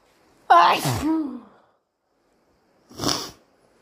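A single forceful voiced sneeze with a sharp intake, then a brief sniff or nose blow; congested morning sneezing.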